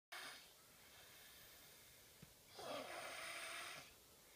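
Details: Dayton snoring in sleep: two noisy, rough breaths about two seconds apart, faint whistle on the second.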